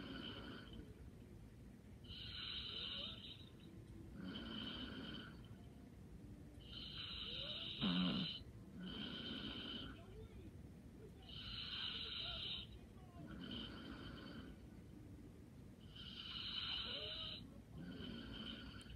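Soft, regular snoring breaths about every 4.5 seconds, roughly 13 a minute, with a faint whistly edge and one brief snort. Light snoring.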